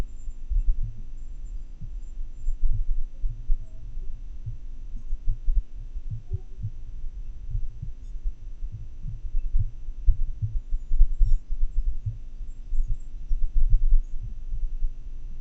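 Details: Heart sounds during an episode of atrial fibrillation, captured at home with a desktop microphone and funnel transducer for telemedicine: muffled beats with constantly changing spacing and loudness; irregularly irregular rhythm.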